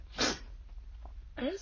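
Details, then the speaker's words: One sharp, high, squeaky sneeze, a pause, then a brief voiced sound, from a sick person with a hoarse, smoky voice and frequent coughing, recorded sitting in a car; an ordinary sneeze. "I just kind of stop talking when I feel like I'm about to sneeze. I get, I sort of do both at once."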